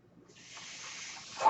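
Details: Real recording of a podcaster's own mechanical ventilator, its breath sounds audible in the background while he talks.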